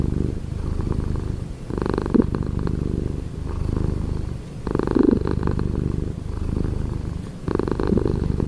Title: 13 OCTOBER/Cat Snoring/BEAUTIFUL 😍😍